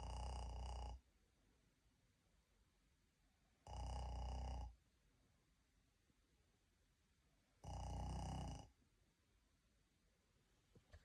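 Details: Person (self-described Laotian) deliberately imitating snoring, recorded by mom: three loud, deep, rattling snores about four seconds apart, quiet between, roughly 15 a minute; simulated snoring.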